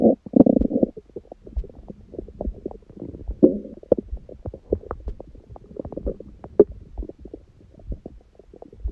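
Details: Own belly recorded after a big first meal of the day at 4 pm, following water-only fasting since 7 pm the previous day, and after ab workout, on a raw-food diet: frequent gurgling, bubbling, short rumbling runs; active normal bowel sounds (borborygmi).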